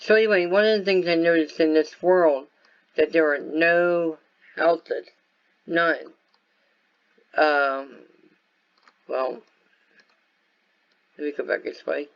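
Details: Acquired dysarthria-like speech impairment in an adult man caused by viral meningitis with a very high fever at about six weeks old, which also affected his walking, eyesight and hearing.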